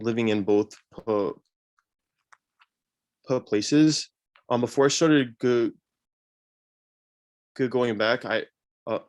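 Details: 26-year-old Italian-born man living in New York who stutters, with marked part-word and word repetitions and blocks, on a live panel of young people who stutter. Stuttering.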